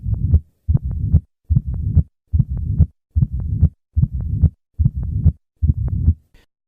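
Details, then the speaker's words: Regular heartbeat about 72 a minute with a low rumbling diastolic murmur filling much of each cycle, from a teaching recording, as heart rate rises: mitral stenosis murmur growing louder. "the murmur of mitral stenosis becomes louder with maneuvers that increase heart rate"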